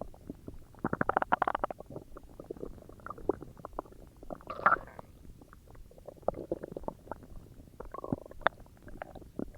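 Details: Self-recorded stomach growls: bursts of gurgling, bubbling growls with quieter rumbling between them; ordinary borborygmi.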